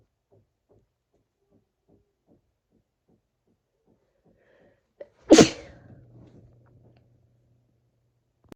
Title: Induced sneezes(f)